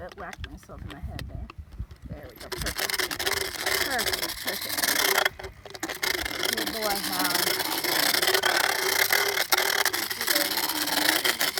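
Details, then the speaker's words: Handheld Dremel rotary power float used on a 15+ year old mule's molars during equine dental floating: grinding whir and rasping against teeth as sharp points and a small hook on the last lower tooth are levelled. "so we have this handheld Dremel um rotational float and that's how we're going to fix up Howdy's mouth today"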